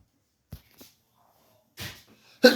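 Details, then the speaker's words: quiet in-breaths followed by a sudden burst of air, then a second sharp burst at the end; a really good sneeze caught on camera. "I just wanted to get that really good sneeze on camera. That was a really good sneeze."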